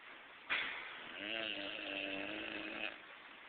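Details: Loud snoring: a single drawn-out, rough, buzzing breath with a vibrating tone lasting about two seconds, with music and applause in the background.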